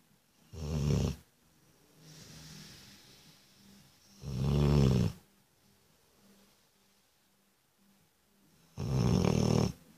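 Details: Loud, low rattling snores on each breath in, three over ten seconds, with softer breathing between them; snoring, recorded 6 May 2014.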